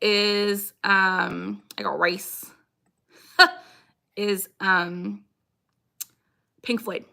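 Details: Woman with Tourette syndrome with recurring vocal tics such as "I got rice" and "I have a tooth"; stress is her biggest trigger and her tics lessen with her dog: vocal tics.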